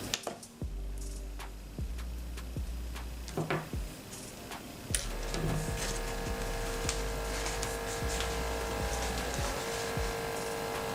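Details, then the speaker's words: Automatic cuff inflation on a HYLOGY MD-H12 digital upper-arm blood pressure monitor worn on the reviewer's upper arm: low motor drone with clicks as the cuff pumps up, then steadier hum on release; reading 99/71, pulse 63/min. "So I have this blood pressure monitor onto my upper arm, and all that's left to do now is click on the start button."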